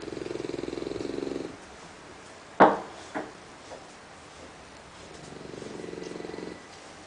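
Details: Sleeping English Bulldog snoring: two long, rattling, fluttery snores, with a sharp knock and faint clicks in the quiet between them.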